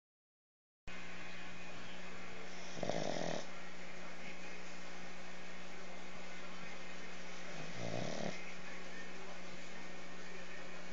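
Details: Pugs snoring; snoring.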